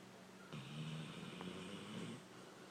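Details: One long, low, rattling breath noise in a quiet room; a single snore.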